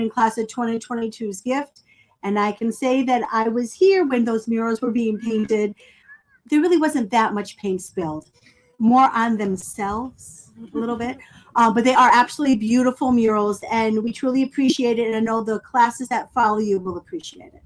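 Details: Adult woman speaking; normal speech.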